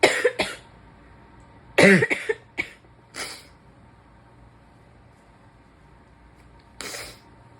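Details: Several harsh cough bursts from a sick adult, sitting, some clustered in a short run, consistent with a chesty cough.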